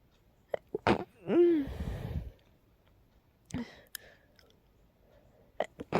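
A single sudden sneeze with a brief voiced burst and rushing air, amid small clicks and rustling. Sneezing.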